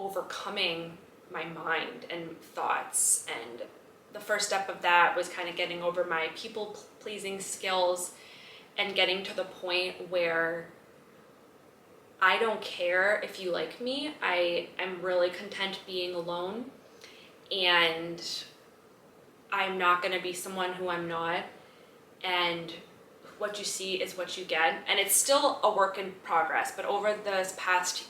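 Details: Adult woman, age 32, stuttering since childhood, persisting despite speech therapy including an intensive 12-day program attended three times; stuttering.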